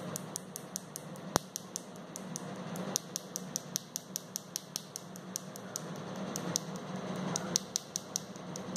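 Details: First session of Nd:YAG laser tattoo removal: crisp snapping clicks, roughly two to three a second, somewhat uneven, over room noise: Nd:YAG laser pulses.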